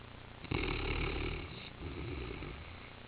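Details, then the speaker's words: Five-year-old brown Newfoundland dog napping on the floor with her head on a couch corner, snoring "like a buzzsaw": low, rumbling, buzzing snore on inhalation, trailing into softer rough breathing; heavy snoring. "she's laying on the floor he's got her foot wedged up here next to Shanny and her head in the corner of the couch next to me she is just snoring like a buzzsaw"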